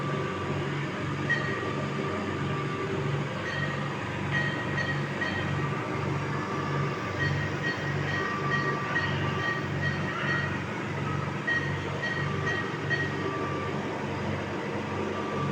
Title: This baby on ventilator machine 📳 on CPAP mode |👉( pt 30 weeks| lbw | RDS ) #subscribe my channel